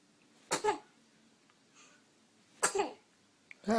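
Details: Two sneezes recorded on day 10: short explosive bursts about two seconds apart, with a third starting at the end.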